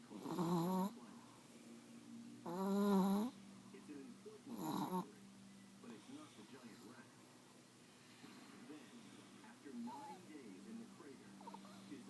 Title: Snoring Wheezy Brindle Chihuahua Wutsi